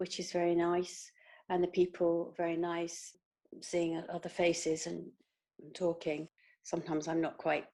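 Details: Woman who had a stroke in her sleep about 18 months earlier, with difficulty with numbers, word finding, understanding fast or male speech, and reading; aphasia.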